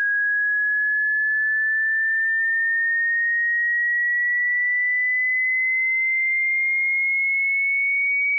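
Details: Online hearing frequency sweep from 20 Hz to 20,000 Hz for tinnitus pitch matching, played over headphones: a steady, whistle-like pure tone climbing slowly in pitch through the upper-middle range.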